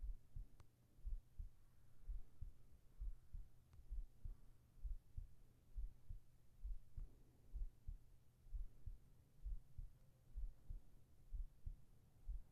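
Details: Soft, steady low double thumps at about 65 beats a minute under a faint hum, from a heartbeat recording made for sleep and relaxation ASMR with whispering: a regular normal heartbeat.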